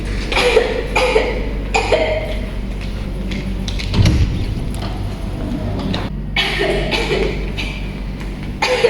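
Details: Simulated patient in a student role-play, an adult office worker coughing for days: repeated harsh bursts of cough with faint music and room echo.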